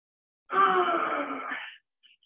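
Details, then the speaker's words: Agonal breathing in cardiac arrest with very low oxygen: a single harsh, groaning gasp of about one second, like a last dying grunt. "that occurs in about 50 of cardiac arrests when the patient's oxygen levels are really low and it's almost like their last dying Grant"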